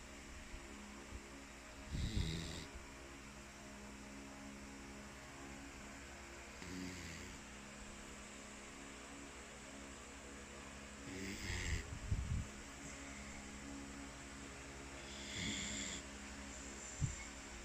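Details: Beagle dog (Walnut) asleep: soft snorting snores recurring about every 4–5 seconds, roughly 13 breaths a minute, over a steady background hum; snoring.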